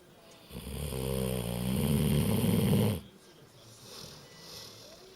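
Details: A sleeping 15-year-old dog gives one loud, rattling, low-pitched snore on the in-breath, followed by quieter breathing. Snoring.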